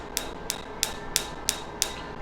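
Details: Six sharp, evenly spaced snapping pulses, about three per second, over a steady hum as a dermatologist fires a PicoWay picosecond laser on a tattoo on a patient's pinky, which turns white (frosting).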